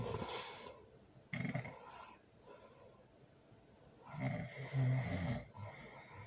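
Loud, rough snores on breathing in, two in about six seconds, each with a rattling low flutter: heavy snoring during sleep.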